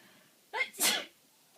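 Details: One deliberate adult male sneeze in a quiet room, with a short breathy onset then a loud hissing burst; a 1-year-old cat reacts because she dislikes it.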